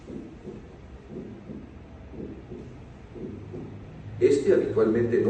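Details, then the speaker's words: Abnormally widely split first heart sound in right bundle branch block, with a slow heartbeat near 58 a minute. "En el bloqueo de la rama derecha puede ocurrir un desdoblamiento anormal del primer ruido cardíaco."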